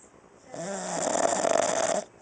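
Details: Female dog sleeping on her back, snoring loudly enough to be heard across the house (unedited): a single drawn-out, buzzing, whistly snore lasting about a second and a half; snoring.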